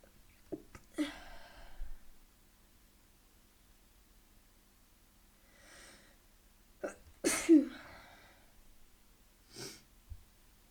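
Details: Two sneezes, each preceded by quick catching inhalations, with a quiet breath between; deliberately induced sneezing.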